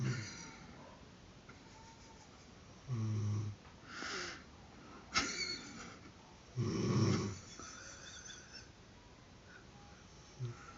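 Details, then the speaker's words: Snoring from a sleeping mother, filmed by her child: brief, low snorting snores at irregular intervals with some background noise. "Foi. Ai meu Deus, >> você tava roncando. >> Que roncando? Não tô arroncando. Ai >> Deus, tava arroncando. Eu juro. Acabei de filmar aqui."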